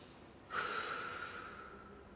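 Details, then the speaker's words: Single soft, airy breath fading over about 1.5 seconds, recorded through a painless routine nasal endoscopic exam reaching the vocal folds, which stay open during breathing; normal breathing. "Elas estão abertas porque elas estão respirando e elas vão produzir esse som para nós dentro daquilo que você está verificando."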